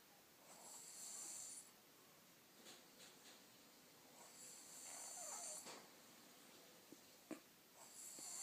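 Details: Snoring during sleep: two loud, hissing snores with soft breaths and small sounds between, about seven breaths a minute.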